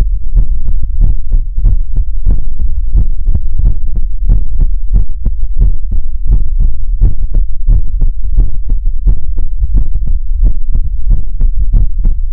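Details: ASMR livestream heartbeat sound effect: fast, steady, muffled low thumps with a soft hum underneath.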